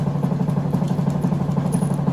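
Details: Air-driven dental motor with irrigation, used in place of a clinical micromotor, running; steady low droning hum with rapid regular fluttering pulses.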